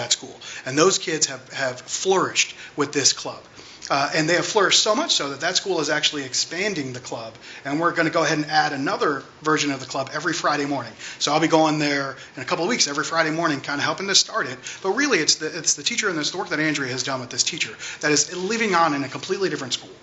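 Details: Adult speaker; ordinary speech.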